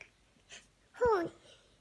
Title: Cute Baby Sneeze 😂